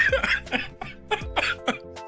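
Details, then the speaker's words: Cough from an adult streamer who is a little sick and under the weather after a trip, coughing unmuted on a livestream. "let me cough again but this time I won't mute myself so you can hear me"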